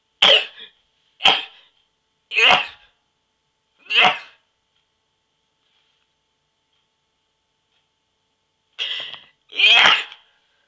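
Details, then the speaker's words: Person sneezing after using a sneeze inducer: six sharp, explosive sneezes, four in quick succession, then a pause and a final pair. "I'm going making another sneezing video for you now and upload it tonight maybe"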